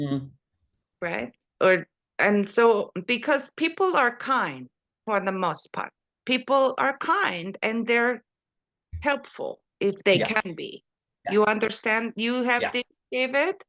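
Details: Adult speaker; Post-stroke aphasia and apraxia of speech with foreign accent syndrome.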